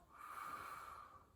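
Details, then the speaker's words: Male patient during a physical-exam assignment, auscultated while taking a deep breath. A single smooth, airy breath with no wheeze or adventitious sounds: normal breathing with clear lungs. "I hear that his lungs are clear he has no wheezing or adventitious lung sounds"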